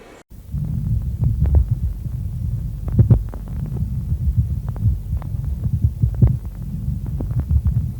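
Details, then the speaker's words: Pleural friction rub, teaching recordings from back and front of chest: rough, inconstant, intense sound on both inspiration and expiration, louder with stethoscope pressure and abdominal movement. "следующий у нас шум этот шум трения плевры это три рыбий сезон не постоянный интенсивный выслушиваем как и вдохе так и при выдохе усиливается при надавливании при движении даже животом"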